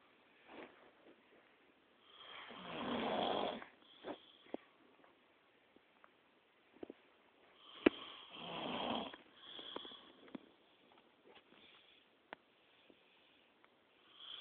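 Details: Snoring during sleep: two loud, rattling inspiratory snores with softer snuffling breaths between, in a quiet room.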